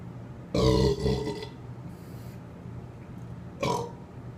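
One long, rumbling belch followed a few seconds later by a shorter second burp.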